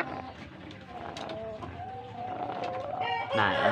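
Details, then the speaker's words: Native village chicken (ayam kampung) with rough, rattling, snore-like breathing and soft vocal sounds; respiratory rattle, partly recovered after a severe episode when it refused to eat; owner suspects extreme weather as cause. "Ini di sini aku ada ayam kampung yang lagi ngorok. Nih, kita ambil dulu ya."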